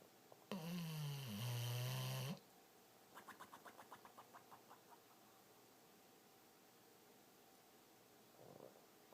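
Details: American Bulldog rescue dog asleep: one long, deep, rattling snore, then a soft fluttering exhalation and a faint later snort; snoring during sleep.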